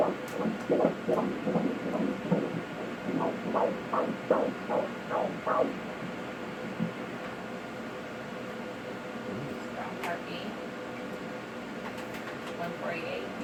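Fast, regular whooshing pulses of a fetal heartbeat on ultrasound, about 148 a minute, fading into steady machine hum; normal fetal heart rate.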